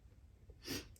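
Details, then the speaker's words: Dog snoring while asleep: a single brief, soft snorting breath against quiet room noise. "That was my dog snoring. I don't know if you can hear."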